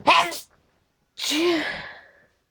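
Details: At the tail end of an allergy sneezing fit tonight, two sneezes in quick succession, the second with a drawn-out voiced tail. Allergy sneezing.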